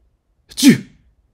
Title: Sneezing sounds (1 hour)